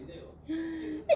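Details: Infant sneeze: a brief voiced burst ending in a sharp sneeze-like release, followed by the baby's laughter.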